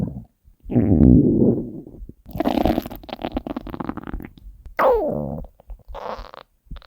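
Loud low gurgling and rumbling stomach growls in several bursts, typical hunger-related bowel sounds.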